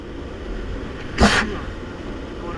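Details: Rider sneezing while riding a motorcycle wearing a balaclava: a single abrupt, explosive burst of air over steady engine and road noise.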